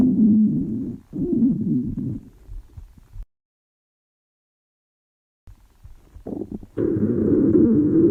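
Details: Girl's hunger-related stomach growling (borborygmi): low, gurgling rumbles in bursts with a quiet pause.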